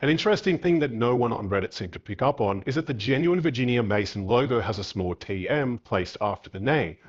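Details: Adult male narrator; Normal speech.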